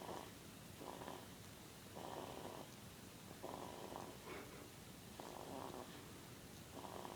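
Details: Two-week-old snoring: soft, rhythmic rasping breaths with a purr-like quality, repeating about every second; light snoring.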